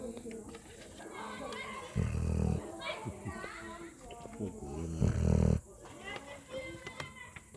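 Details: Two loud, low, rattling snores about three seconds apart from a sleeping puppy, with background chatter and noise; ordinary snoring.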